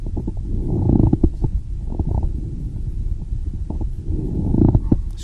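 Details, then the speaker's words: Lung auscultation teaching quiz: low, rough creaking and grating sounds that swell with each breath, a pleural friction rub. "Escolhe uma das três respostas. Isso daí é um atrito pleural."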